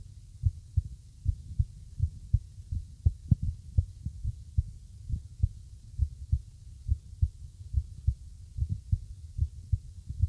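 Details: Irregular heartbeat.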